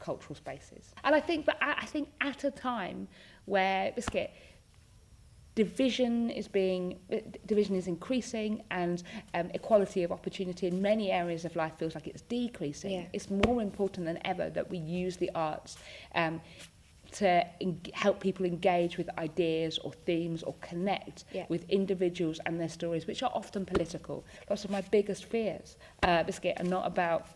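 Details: Vocal tics in an adult woman with Tourette syndrome; the involuntary tic word 'biscuit' interrupts her speech.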